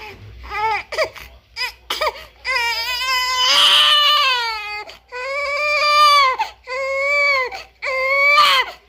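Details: Newborn baby crying with loud, sustained wailing bursts and brief breaths between, clear and strong; ordinary newborn cry.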